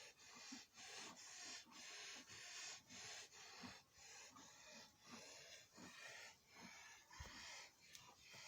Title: A cow with Viral Pneumonia notice the dry cough #vet #cattle #pneumonia #cow #virus #drvet